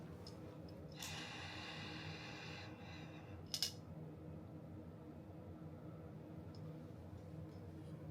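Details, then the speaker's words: Hospitalized patient with severe side pain and painful phlegmy cough takes a long, airy deep breath through an incentive spirometer, 10 per hour to help him cough, then a brief snort over room hum. "Not every hour, 10 per hour. And that's going to help me to cough even more."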